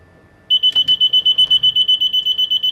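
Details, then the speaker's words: Sudden rapid, high-pitched electronic beeping, about six per second, from a baby apnoea monitor during a bench timing test with breathing simulation switched off, alarming after its 20-second no-breath delay. "your 20 second delay you see your red LED flash into the alarm light now that'll keep flashing until it detects another two breaths or movements"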